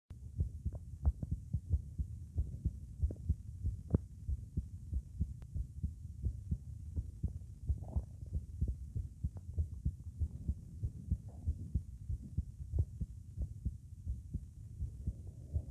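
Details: During palpitations, a fast, forceful heartbeat near 94 a minute recorded at Erb's point, with a soft systolic murmur between beats that is louder on breathing in.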